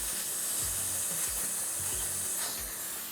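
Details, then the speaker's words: Dental air-water syringe drying the upper left first molar (tooth 14) after a wide bevel during a Class I occlusal composite restoration: continuous airy hiss over low room noise. "First step is I like to bevel the surface, the preparation. I'll make some wide bevel and dry the tooth."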